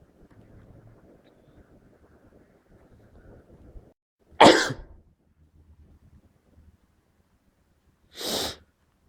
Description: I think i have caught a terrible cold? managed to catch the end of a mini fit of my sneezes in this wav. the sneezes were a bit intense that i couldn't just try to stifle them.